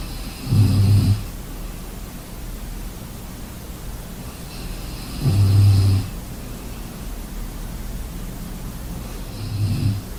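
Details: Snoring during sleep: loud, low, rattling snores on each in-breath, about 13 breaths a minute, over steady background hiss.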